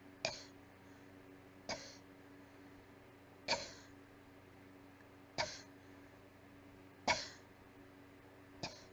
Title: Breathy weak coughing fit